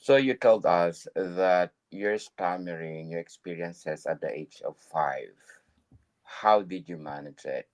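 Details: Adult male speaker; typical speech.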